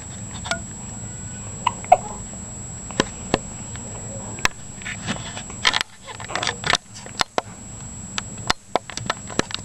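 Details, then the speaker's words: Baby girl with hiccups: repeated brief, sharp hiccup sounds at irregular intervals over steady room hum, with a few soft noises between. Infant hiccups. "Look who's got hiccups."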